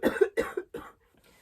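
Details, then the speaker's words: An adult woman with a lingering respiratory illness gives three quick, harsh cough bursts; earlier told her X-ray lungs were fine and diagnosed with a bad sinus infection, she relapsed after antibiotics; persistent cough. "so it's been really hard and I still you can hear me coughing like still fighting a good fight"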